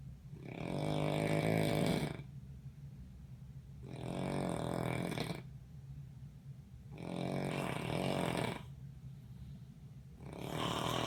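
Loud, rough, rumbling snores recur about every three seconds with quiet gaps between, the steady rhythm of ordinary snoring.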